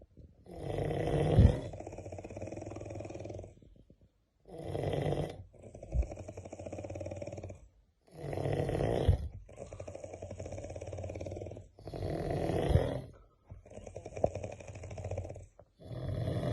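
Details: Loud, rattling snoring likened to a helicopter, recurring about every three seconds, each long vibrating breath followed by a quieter one.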